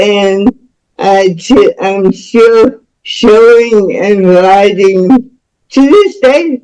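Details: Speech of a woman about to turn 49 with cerebral palsy since birth (umbilical cord around her neck); doctors predicted she would never walk or talk; dysarthria.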